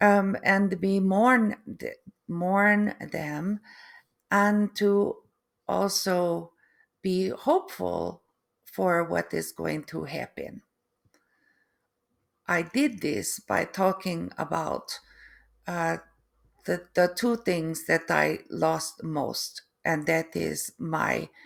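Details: Adult woman with foreign accent syndrome that began three months after a stroke, alongside post-stroke aphasia and apraxia of speech; difficulty putting sentences together and unable to write; foreign accent syndrome with apraxia of speech.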